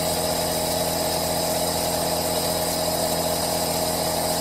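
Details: Steady, even hiss and hum of an aerosol nebulizer compressor running continuously, recorded with a Zoom H1n for ASMR white noise.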